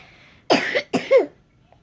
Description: When he laughs, he coughs, when he coughs, he pukes. He can't win.